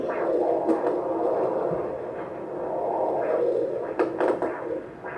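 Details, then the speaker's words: Maternal pulse on a fetal Doppler at a 12-week pregnancy appointment: slow, soft whooshing pulses over steady Doppler hiss. This is the mother's own heartbeat heard while searching for the baby's, whose rate was later found at 144–146. "Oh, wow. So that's you, Mom. How do you know the difference between that's her and that's the... Well, I'll hear like the sudden chugga chugga chugga chugga, and the mom's like. And that's Mom."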